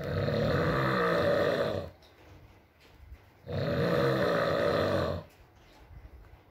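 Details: ASMR recording of a sleeping man (boyfriend) snoring: two long, deep, rattling snores separated by quiet exhalations, with faint rain in the background; snoring during sleep.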